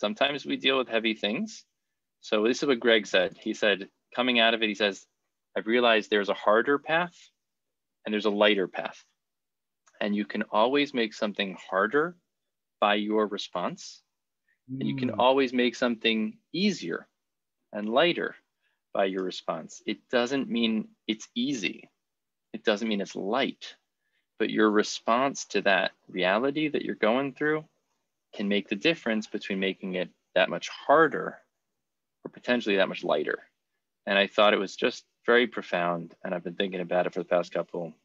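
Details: Adult man speaking; fluent speech.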